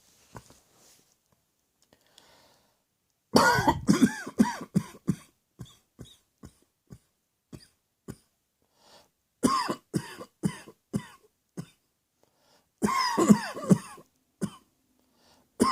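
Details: Deliberate, voluntary coughing with the mouth closed, made on request: three bouts of muffled coughing with short throaty pulses between them.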